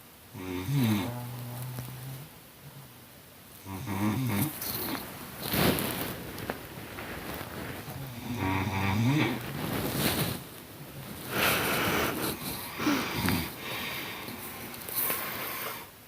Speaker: snoring in harmony.